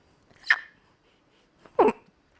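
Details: Two abrupt, brief non-word vocal sounds, a squeak then a short bark-like yelp, from a woman with Tourette syndrome diagnosed at age six: involuntary vocal tics.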